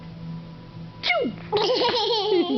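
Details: Child's short, sharp small sneeze during play, followed by giggling laughter.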